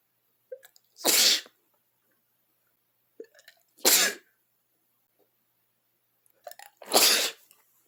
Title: cold sneezing (#2)